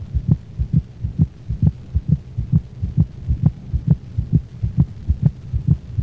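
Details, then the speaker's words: Dog with heartworms, heard best over the pulmonic valve region along the cranial left thorax: regular heartbeat near 130 a minute with a split second sound, closely spaced and higher in frequency than the first sound. "the split sounds are closed together and higher in frequency than the first sound this split second sound was recorded from a dog with heart worms"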